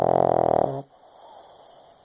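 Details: Tired, sleeping 7-year-old pug: one loud, rattling snore on an inward breath, then near quiet; snoring.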